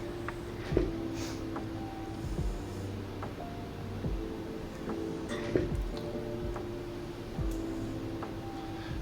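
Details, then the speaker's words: Repeated electronic alarm tones from an EOlife X ventilation feedback device with soft under-squeezes of an adult bag valve mask on a training mannequin, delivering only about 288 mL; insufficient volume alarm. "we got an insufficient volume alarm there we don't squeeze it enough see I'm squeezing this adult bag valve mask here and I'm getting just a little bit at 28"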